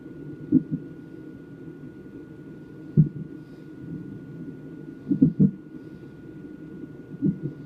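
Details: Fetal hiccups picked up on a non-stress test fetal monitor: soft muffled rhythmic thumps through the monitor's low whooshing hiss.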